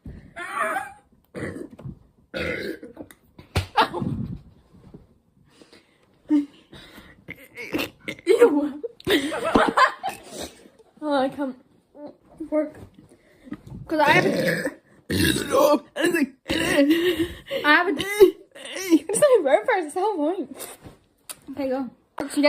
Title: Two Girls Burping Out Attractively Deep (Compilation)